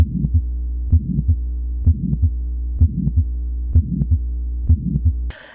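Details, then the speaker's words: Teaching recording of an early systolic murmur: regular heartbeat near 64 a minute with a short murmur heard right after the first heart sound. "early systolic murmurs are short and heard right at the"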